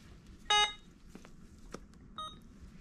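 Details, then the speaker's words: Two short electronic tones, a longer beep then a shorter one, with faint handling clicks in a quiet room, as an Alaris IV pump starts sodium chloride, 1000 mL at 125 mL/h, in a nurse training demonstration; normal start confirmation. "now once we are all set and we are good we are going to unclamp our patient and then we're going to press start"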